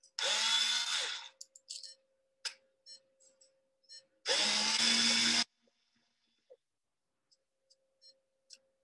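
Two bursts of high-pitched drill whine, about a second each, separated by quiet clicks; a surgical drill advancing into the tibia for nailing.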